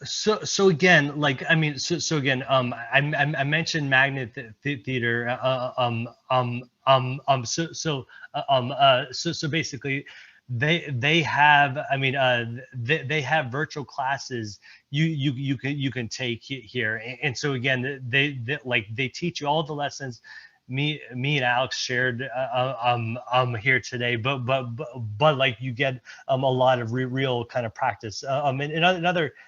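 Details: Real stuttering in an adult male presenter at a stuttering-community event, who reports blocks and repetitions; this stretch has word and phrase repetitions.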